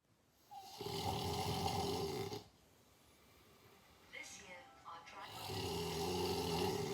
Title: Never sleep alone again (snoring)